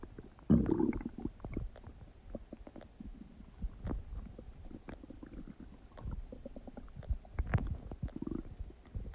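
Continuous low gurgling and rumbling with bubbling pops throughout; loud stomach noises of normal digestion.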